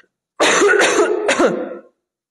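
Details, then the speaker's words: Adult woman who says she won't stop coughing clears her throat: a short harsh burst with a brief cough-like second effort. "Non smetterò di tossire"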